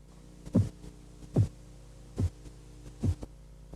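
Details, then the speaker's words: Korotkoff phase 4 during blood pressure measurement: soft, low, muffled thumps about 72 a minute as the tapping drops in pitch and dulls; accepted diastolic measurement in children. "durante la fase korotkov 4 el sonido de los golpeteos baja de tono y el sonido se amortigua korotkov 4 es la medición diastólica aceptada en niños"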